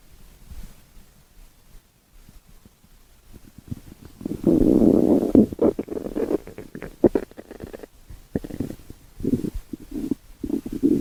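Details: A prolonged low, bubbling rumble followed by shorter gurgles; ordinary stomach growling (borborygmi) as gas and fluid move through the bowel, from a 5-minute recording.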